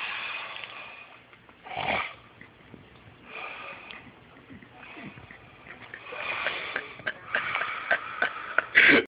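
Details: Brother snoring in sleep: repeated hissing, rattling breaths growing louder toward the end with sharp snorting bursts; ordinary snoring.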